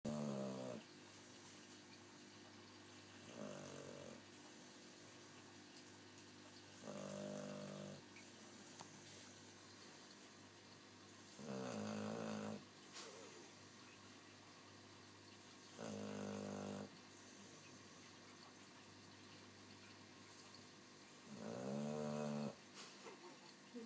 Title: Boxer Jeeves snoring